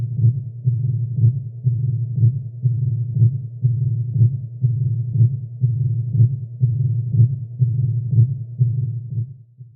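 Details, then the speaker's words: Mitral stenosis auscultated at the mitral focus or left sternal border: regular heartbeat near 61 a minute, with a mitral opening snap after the second sound, immediately followed by a low-intensity diastolic rumble. "se encuentra y se escucha muy bien el soplo diastólico llamado también retumbo diastólico que es de baja intensidad y como pueden ustedes percibir se escucha inmediatamente después del chasquido de apertura mitral"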